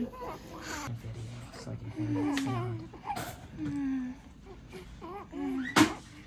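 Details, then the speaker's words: Short, wavering high cries of a newborn girl just after an unmedicated natural birth of a first baby, as she is tickled to make her cry, amid adult voices in a small room; healthy newborn cry. "good I'm just try to get her to cry just tickle in her"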